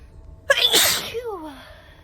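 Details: Woman sneezing during a train ride: one sharp, forceful sneeze burst, then a falling voiced sigh, over low rumbling background noise.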